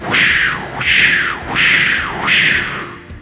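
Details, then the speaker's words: Fetal heartbeat recorded by Doppler ultrasound at a prenatal doctor's appointment and played back through speakers years later: rhythmic whooshing pulses. "you know what that is that is the sound of your heartbeat the very first time I heard it and one of mommy's doctor appointments and that's when I fell in love with you"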